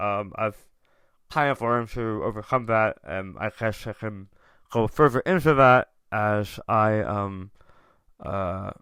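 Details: Adult male tongue cancer survivor, diagnosed October 2021, over 1.5 years in remission; ~80% of tongue removed, reconstructed with left-leg muscle; proton therapy and chemotherapy; reduced tongue and jaw movement; articulation impairment after partial glossectomy.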